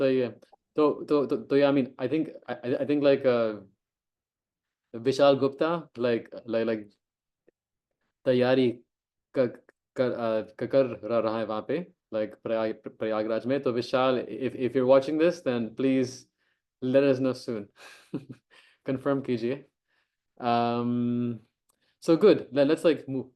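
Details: Man who joined a stammering association 15 days earlier, reported to have formerly had much stammering and blocks, has worked on himself and is now working to make his speech smoother, at an online self-help meeting; stuttering.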